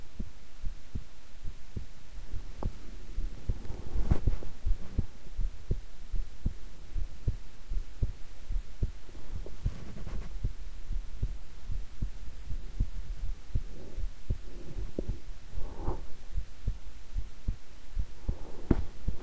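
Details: Steady, slow, soft low thumps under a constant low hum, a person's own heartbeat recorded at length while resting quietly; normal heart sounds.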